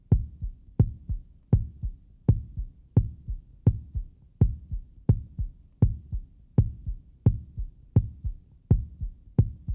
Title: Normal Heartbeat Sound Effect